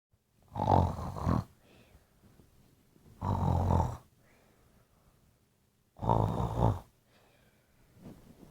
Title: Snoring part 4